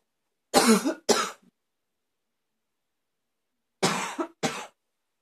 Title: #72 Barky cough